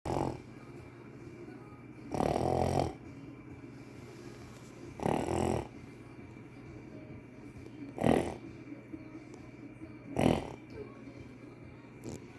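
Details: A sleeping cockapoo puppy gives rhythmic rattling snores, about five in twelve seconds, each under a second, with quiet breathing between; dog snoring.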